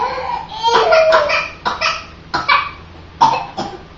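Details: Young twins, while eating, give about four short, voiced, pretend coughs with pauses between them: voluntary fake cough.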